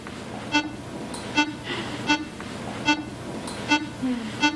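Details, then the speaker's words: Steady electronic heart monitor beeps at about 73 a minute, tracking the heartbeat of a shelter animal undergoing surgery, against quiet operating-room hum. "The sound of Jack's heart monitor fills the surgery room at HSPCA. It's a sound of life, one that will be silenced for nearly 10,000 animals this year in Kansas City alone."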